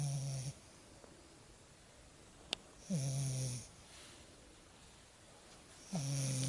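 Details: Lagotto Romagnolo puppy snoring: loud, low, droning snores about every three seconds, roughly 20 a minute, with quiet breathing between them.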